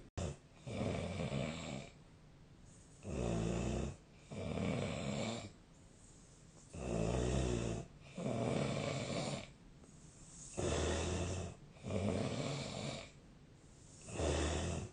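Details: Low rattling snores on each breath in with quieter breathing out, about 16 breaths a minute, fairly regular; snoring.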